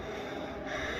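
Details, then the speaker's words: Musical, high-pitched wheeze heard during expiration in an asthma patient, indicating airway obstruction as in obstructive lung disease such as asthma or COPD; wheeze with rhonchi. "is the sound is due to during expiration sound musical sound Theory expression due to obstruction there foreign this is a hoising everybody should know the musical sound during expiration this indicator of structure lung disease"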